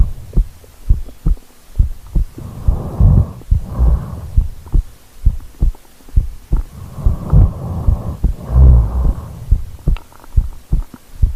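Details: Real recording of a person asleep who rolled over onto the microphone: deep muffled heartbeat thumps about 65 a minute with slow whooshing sleep breaths over them; heartbeat.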